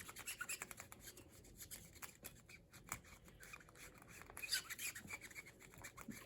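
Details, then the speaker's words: Vigorous 30-second back-and-forth chlorhexidine scrub of a triple-lumen central venous access device site, about a 4x4-inch area without lifting off skin, during a sterile CVAD dressing-change demo: quiet rapid rasping rubs of skin scrubbing. "And I'm cleaning vigorously, scrubbing, not lifting it up off the skin for 30 seconds."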